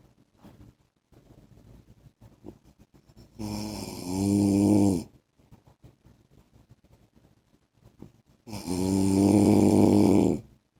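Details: Husband snoring during sleep: two loud, rough, rumbling snores on the in-breath, each about two seconds, separated by quiet breathing in a small room.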